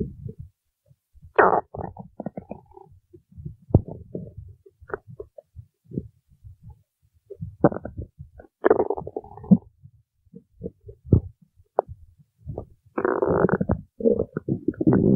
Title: stomach growling while singing